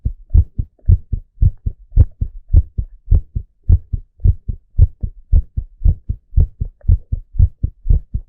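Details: Steady, regular, deep thumping lub-dub at roughly 55 beats a minute: a normal male heartbeat.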